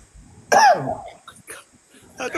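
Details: Cough: a loud harsh cough burst followed by shorter throaty coughs and throat clearing, over a faint steady background hum, during a live stream.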